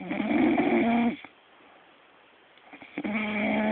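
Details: Snoring, possibly an animal: a loud rattling snore on the breath, then a short quiet pause before it starts again.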